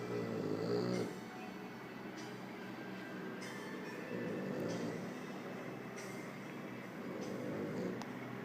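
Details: Snorting, rattly snores about every three seconds from Marvel, a sleeping 1-year-old French bulldog deeply asleep after playing all day; ordinary deep-sleep snoring over steady background noise.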